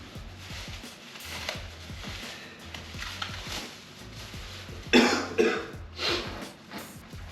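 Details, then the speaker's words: Adult coughing while cleaning up drywall and insulation dust in a garage, attributing the cough to the dust: two or three short, harsh coughs over steady background music. "You can hear my cough that my lungs are also getting covered in drywall dust, which is fun. Or insulation dust as I pick up insulation debris."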